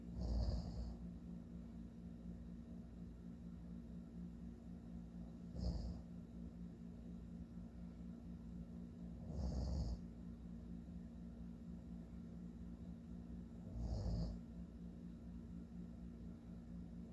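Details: Slow, rumbling snores about every four seconds, roughly 14 a minute, over steady low room hum, from a sleeping adult man; ordinary snoring.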